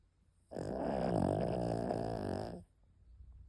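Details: Dog snoring while asleep: a long, rumbling, fluttering snore lasting about two seconds in a quiet room.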